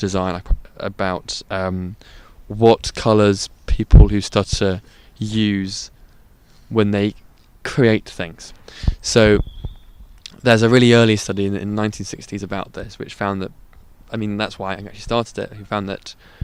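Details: Adult male podcast guest who stutters, currently stuttering deliberately and openly ("out of control") without fluency techniques; stuttering.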